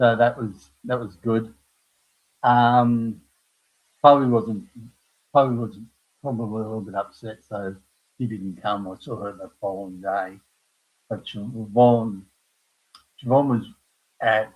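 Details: Aphasia in an adult man after a stroke at age 58 caused by a blood clot from the heart, following a severe heart attack and quadruple bypass; he knows what he wants to say but cannot find the words.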